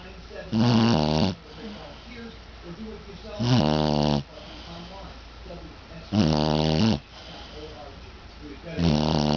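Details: Dog snoring deeply while lying asleep in his basket: loud, buzzing, rhythmic snores about every two and a half seconds, around 22 a minute.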